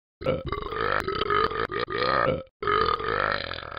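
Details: Simulated game sound effect, not a real person: two long, loud, rumbling burps in a row with a brief pause between; burping.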